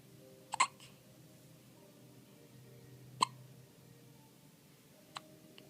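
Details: Baby girl, birth weight 7 lb 9 oz, who frequently gets hiccups that sound like a squeak toy: three small, sharp infant hiccups in under six seconds in a quiet room.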